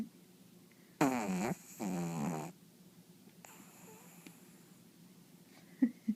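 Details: Pug snoring loudly during sleep, with two loud rattling, buzzy breaths in close succession, then quiet.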